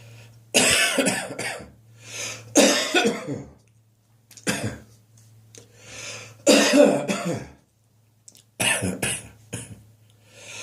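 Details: Summer morning productive catarrhal cough that has started recurring regularly in the mornings: five loud, harsh cough bursts with throat clearing and rattly tails over a low steady hum.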